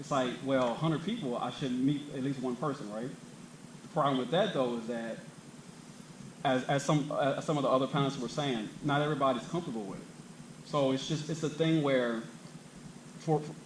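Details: Adult man who stutters, himself a speech-language clinician specialising in stuttering and fluency disorders; stuttering.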